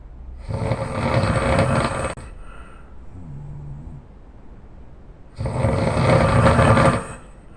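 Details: Very loud snoring in a sleeping person: two long, loud, rough rattling snores on breathing in, separated by a quieter pause; heavy snoring.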